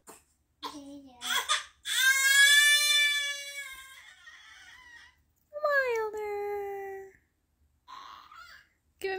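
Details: Two-month-old baby crying in short, high-pitched wails with breaths between, before his one-year-old brother calms him with a pacifier.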